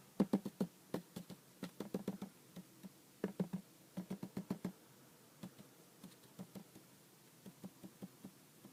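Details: Quick runs of short, hollow taps from finger percussion over the abdomen of a woman lying supine during a nursing-student physical assessment, in a quiet room: a normal tympanic percussion note.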